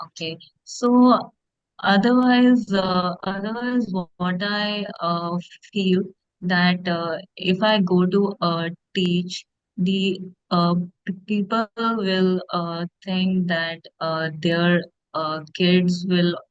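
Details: Stuttering in a woman who stammers, speaking as an audience member in a podcast Q&A.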